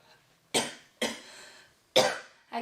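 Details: Blonde girl coughing after inhaling thick white vape smoke she says tastes awful: three harsh, explosive coughs with a fourth beginning, an irritant cough.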